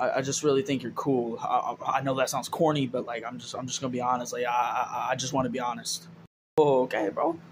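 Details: Young man in a comedy sketch (possibly acted) who says he has a stuttering problem and stutters a lot: stuttering.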